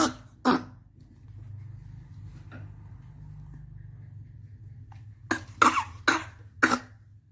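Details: A sick baby monkey coughing a lot; six short, harsh coughs, two early and a cluster of four near the end, with a low hum between.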